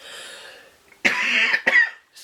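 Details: Two harsh, forceful cough bursts from an adult woman, the second shorter, over faint room noise, during an asthma attack while filming.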